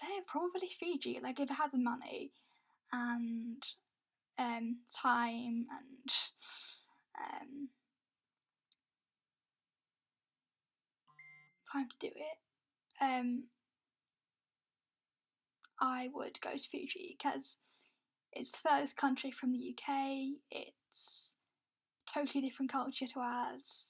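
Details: Woman with a stammer involving blocks where no air gets through and a long time to get words out; she is also blind; stammering (stuttering).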